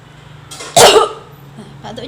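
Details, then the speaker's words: Chest physiotherapy demonstration of effective coughing to clear secretions: a quick deep breath in, then one strong, sharp acted cough. "harus kuat seperti itu ya supaya sekretnya bisa keluar dari sini untuk batuk efektif"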